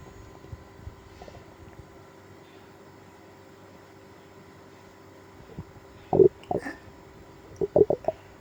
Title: Stomach ache after eating seafood (stomach growling)